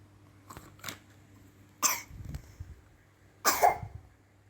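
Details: A sick young child taking cough syrup gives two clear, sharp coughs, with softer throat sounds before them, in a quiet room.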